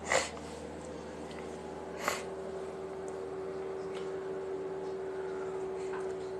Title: Living Room Sneeze